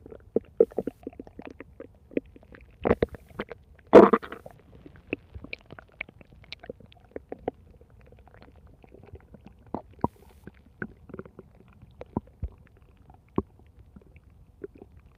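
Scattered gurgles and short rumbling bursts, with one louder growl, heard as ordinary stomach growling from gas and fluid moving through the gut.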